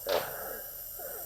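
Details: 55-year-old man with sudden-onset difficulty breathing, chest and upper back pain, and a chronic cough of about a year, attended by paramedics: sharp noisy breath then faint musical whistling tones over steady hiss; wheeze.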